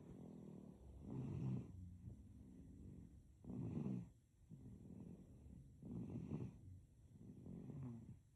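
Soft, rattly snoring on each breath, about 25 breaths a minute, during sleep.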